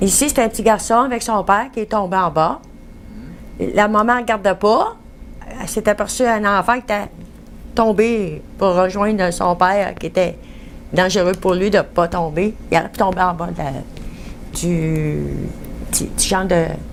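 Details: Woman examined in a neurology aphasia assessment during a picture description task, with fluent mixed aphasia involving paraphasias and expressive difficulty, with words roughly understandable; mixed aphasia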